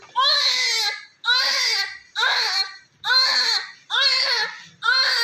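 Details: Loud, rhythmic crying, about six strong cries with brief breaths between, from a newborn boy delivered covered in much vernix, with strong reflexes; a vigorous, normal newborn cry.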